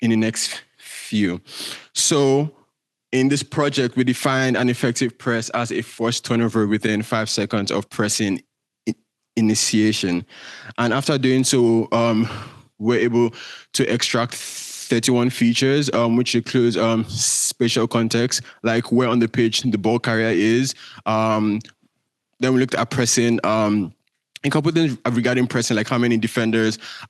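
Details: Male speaker with a self-reported stutter that shows as repetitions, prolongations or blockages. Stuttering.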